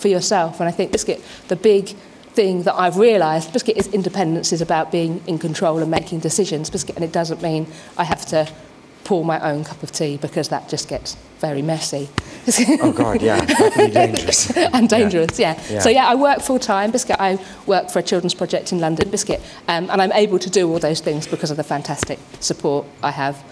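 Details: Adult woman with Tourette syndrome, involuntary vocal tics frequently repeating "biscuit" and "hedgehog", plus motor tics; vocal tics (Tourette syndrome)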